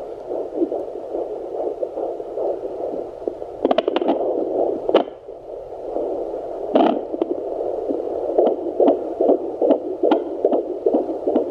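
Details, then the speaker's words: Home Sonoline B fetal Doppler with 3 MHz probe at 17 weeks 5 days pregnant: rapid rhythmic whooshing pulses over a steady hum, about 144–150s beats a minute; normal, healthy fetal heart rate. "that's baby we've got 146 beats per minute 144 there how many goes i got in the 150s which is a good healthy heart rate"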